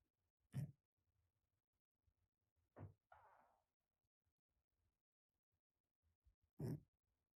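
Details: Male cat whose nose "ain't good" snoring very loudly: three short, loud snorting breaths with a brief hiss between them in a quiet room, snoring while asleep.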